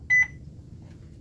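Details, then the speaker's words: Nursing IV pump demo programming 500 mL 0.9% saline at 100 mL/h for a simulated ED patient with urinary tract infection: two short high beeps from the infusion pump during tubing setup, a routine prompt. "Start. Make sure my clamp is open or it'll beep at me. Occluded."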